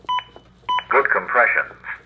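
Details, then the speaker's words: ZOLL AED Plus training demonstration during simulated CPR: two electronic metronome pacing beeps guiding 100–120 compressions per minute, then a recorded voice prompt confirming good compressions. "the metronome will match my beat and then speed back up to get me back to the right ring same goes in Reverse if I end up going too fast so we want to listen to that metronome"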